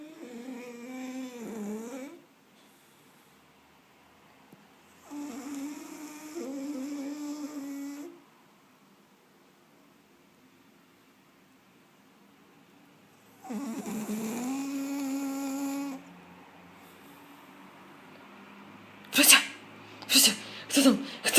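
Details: Whistling, snorting snores from a sleeping pug, several seconds apart, ending with a few sharp snorts; noisy breathing in sleep; snoring.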